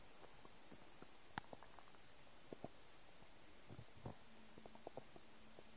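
Faint gurgles, pops and a brief low growl over steady background hiss: bowel sounds from an empty stomach, a normal finding.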